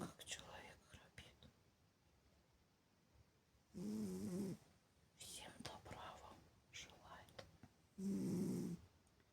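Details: Sleeping cat, not yet awake in the morning: soft rhythmic snoring with rasping breaths repeating every few seconds in a quiet room.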